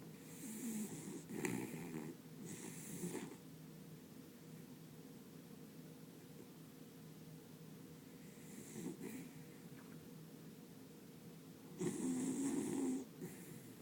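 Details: Sleeping beagle, snoring while dreaming: bursts of rough snorting snores with quiet stretches between, against low room hum; snoring.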